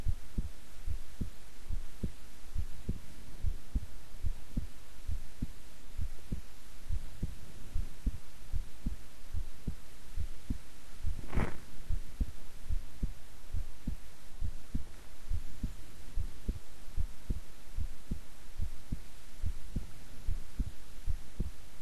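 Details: Person's own heart sounds recorded at length while keeping still and relaxed: steady, unhurried lub-dub heartbeats with a soft low hum and one brief rustle midway; normal heart sounds.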